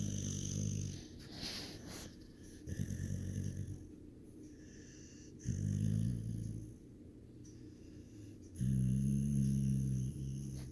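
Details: Chip snoring: low rumbling snores on each in-breath, about four over ten seconds, with quiet out-breaths between.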